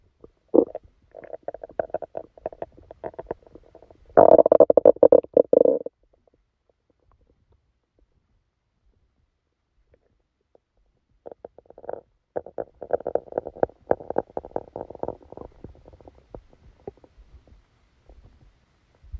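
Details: Active bowel sounds: bursts of gurgling, crackly abdominal rumbling separated by a long quiet gap, recorded while sleeping with a stomachache that began after Christmas dinner.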